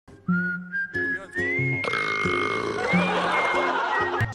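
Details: An actor deliberately burping: a long, loud, drawn-out burp with a tonal, almost whistled quality, under background music and laughter.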